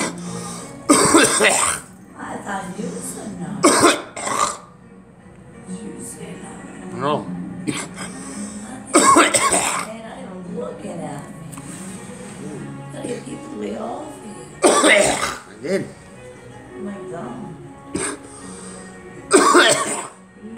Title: Me coughing